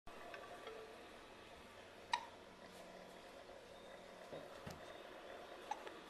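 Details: Two soft, sharp hiccup sounds about three and a half seconds apart against quiet room noise: infant hiccups.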